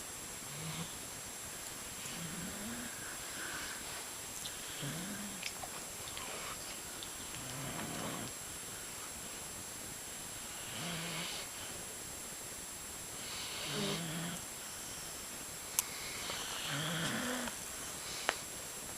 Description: The dogs I was dogsitting, taking over the bed, and snoring quite loudly.